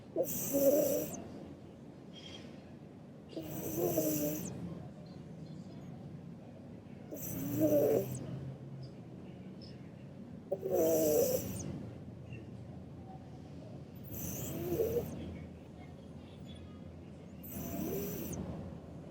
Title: My Burmese cat woke me up with her snoring (turn up the volume to hear it)